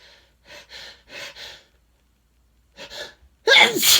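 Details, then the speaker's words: Adult male with no allergies, deliberately inducing sneezes and saying a sudden weather change from about 50 to 15 degrees makes him extra sensitive: a quick volley of small, hissing sneezes in two bursts, then a louder, fuller sneeze. "bless me excuse me yes that's one good thing about the weather changing you know going from like 50 degrees to like 15 in a short time it makes me a little extra sensitive"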